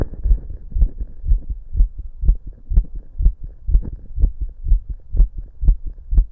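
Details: The person listening to their own fast, visibly pounding heart with a stethoscope at different spots on the chest: rapid, regular heart sounds at about 120 beats a minute.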